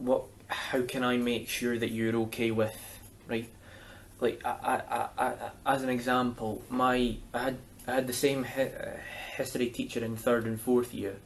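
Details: Young male speaker with a stammer, getting stuck on words: stuttering (stammer).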